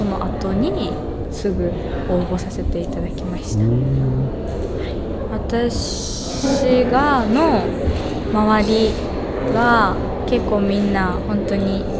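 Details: Stuttering in a young student who stutters and works at a café staffed by young people who stutter.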